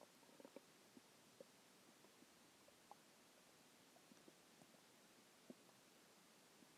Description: This was a few hours after a huge meal at IHOP. I had the big cheeseburger, fries, three eggs, a few onion rings, a cheese stick, and some chicken tenders.